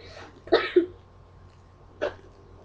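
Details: Three short, abrupt coughs from an adult, two in quick succession and one after a pause, over faint hum; a cough.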